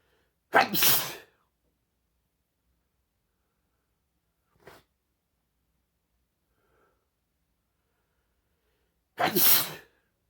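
Two forceful explosive sneezes several seconds apart, with a faint sniff between them and quiet otherwise.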